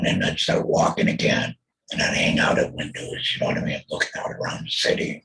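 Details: Adult male throat cancer survivor after total laryngectomy (voice box removed) in 2020, followed by chemotherapy and radiation; alaryngeal speech after total laryngectomy.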